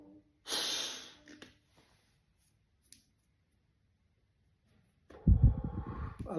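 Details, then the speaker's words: Correct metered-dose inhaler technique for asthma/COPD: a brief hissing puff with a deep inhalation after shaking and full exhalation, a silent breath hold of several seconds, then a noisy breath out. "So first of all బాగా షేక్ చేయాలి గాలి మొత్తం బయటికి విడిచిపెట్టేయాలి నోట్లో పెట్టుకోవాలి"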